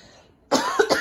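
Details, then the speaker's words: Dry cough: a single short, dry, nonproductive cough burst after quiet room sound. "Ja, figyelj, de csak úgy jön most már. És száraz köhögés."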